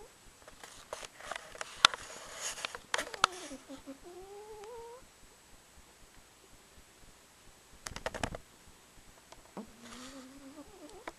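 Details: Cat (Buffy) that rarely snores, recorded with a camcorder, owner blames recent cold weather: two drawn-out, whistling, rising-pitched snoring breaths several seconds apart, soft rustling and clicks in a quiet room.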